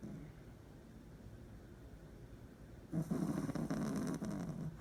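Quiet breathing, then a low, fluttering rattle on a drawn-out breath: snoring.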